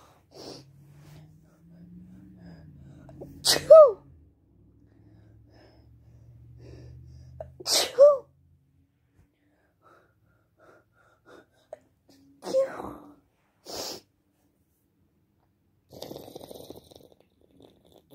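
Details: Two sharp, forceful sneezes with quieter nasal bursts after them, triggered by perfume, over faint background talk and music.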